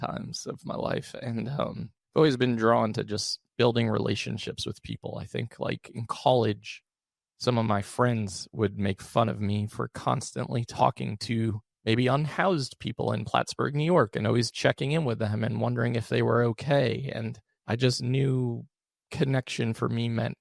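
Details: Adult male with one vocal cord paralysed by 2022 open throat surgery for a rare chronic recurring throat condition, after 2021 endoscopic surgery; voice improved after extensive speech therapy, tires daily; vocal fry from unilateral vocal cord paralysis.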